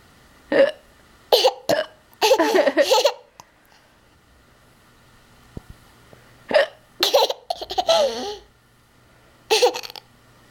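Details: Playful hiccups: sudden short voiced catches recurring in bursts, interrupting giggling and laughter.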